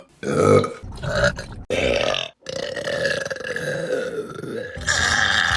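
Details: Burping compilation clip: several long, loud, voiced belches following one another with short breaks between them, repeated burping.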